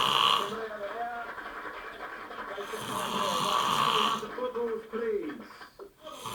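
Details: Heavy snoring in sleep: loud, rough, rattling snores with long, drawn-out noisy breaths.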